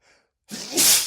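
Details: Male sneezing repeatedly after cooking with lots of black pepper, which triggers sneezing and flared nostrils: brief indrawn breath, pause, then one sharp hissing sneeze burst.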